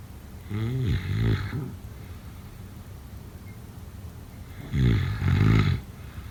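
Two loud, rattling, low-pitched snores about four seconds apart, with quiet breathing between them: snoring during sleep.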